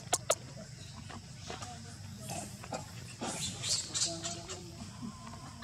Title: Baby cry miss mom need milk 44 #amazingmonkey #monkey #关爱保护野生猕猴